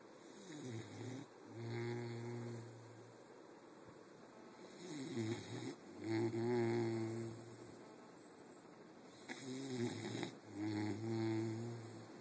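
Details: Slow, rhythmic rattling snores on each breath, about 13 breaths a minute, with quiet pauses between: snoring.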